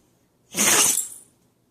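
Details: Puppy sneeze while she chews like a beaver: a single sudden, hissing burst of air lasting under a second, taking her by surprise; another sneeze follows; ordinary puppy sneeze.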